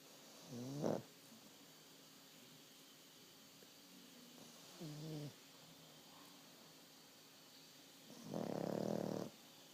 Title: Pug snores through the Oscars.